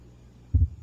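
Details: One normal lub-dub heartbeat with a clear first heart sound, heard at the mitral area (cardiac apex, fifth intercostal space at the midclavicular line).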